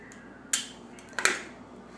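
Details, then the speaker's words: Spring-loaded lancing device primed and fired at depth setting one or two for a child's fingertip-prick blood glucose check (reading 72): two sharp snapping clicks in a quiet room. "you'll take his poker and you'll pull this button up to prime it and this number should be on a one or a two that is the depth that it goes into his finger"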